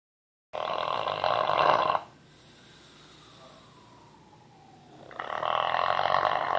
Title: Snoring bulldog